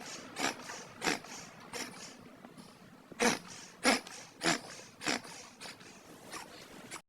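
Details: A cat with hiccups after eating food: short, snorting hiccup bursts, fairly regular at about ninety a minute, in a quiet room.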